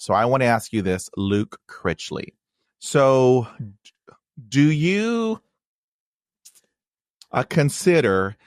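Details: Man with a stutter involving blocks and repetitions, who had speech therapy in 1975; stuttering.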